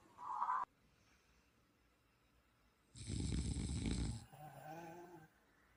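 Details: Adult snoring while wearing an electric massage sleep mask switched on full blast; the owner wonders about sleep apnea and CPAP. A brief device hum, then a long rough, rattling inspiratory snore with a softer breathy tail.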